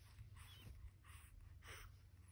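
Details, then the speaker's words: Infant girl breathing fast and hard with a little wheeze, per her mother, who called an ambulance: three rapid, noisy, rasping breaths in about two seconds, one faintly whistling, over handling rumble. "hear how high she breathing it's like a little wheeze in there every time I feed her she started acting all crazy"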